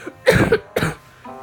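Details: Two harsh cough bursts in quick succession from an adult who says they got sick, with faint Geometry Dash game music and room noise underneath.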